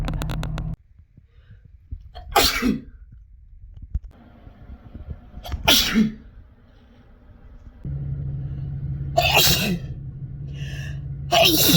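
Three or four sharp, explosive sneezes with quieter gaps between them over steady background rumble; ordinary sneezing.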